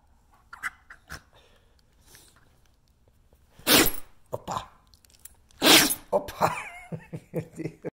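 Two sharp, explosive snorting bursts with smaller snuffles between them: a dog's sneezes.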